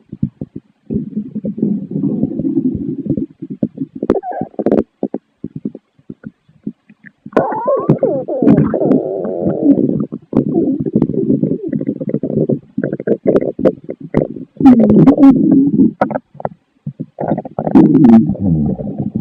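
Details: Stomach growling after eating pasta: long, low gurgling and rumbling bowel sounds in irregular runs; borborygmi.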